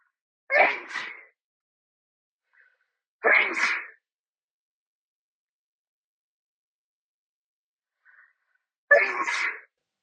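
Three loud, sharp sneezes in a quiet room, each with a brief gasp before; a bout of sneezing.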